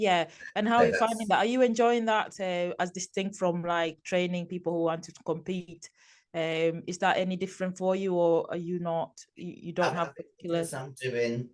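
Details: Adult speakers in conversation; ordinary speech.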